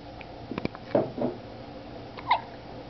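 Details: Small dog hiccuping (also sneezing at times): a few short, sharp gulping hiccups in a quiet room; ordinary hiccups.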